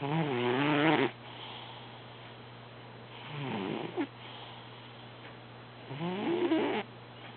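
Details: Sleeping cat snoring during an active dream: three buzzing, fluttery breaths about every three seconds, about 20 breaths a minute, with quiet pauses between; snoring.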